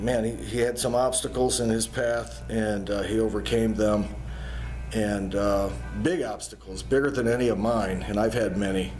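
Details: Adult man speaking; normal speech.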